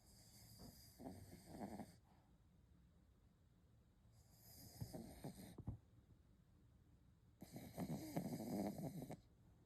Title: Dog's loud snore